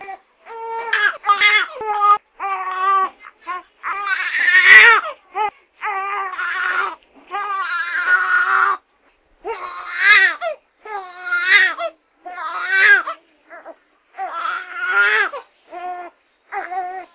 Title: SFX - SOUND EFFECT - CRYING BABY -SCHREIENDES BABY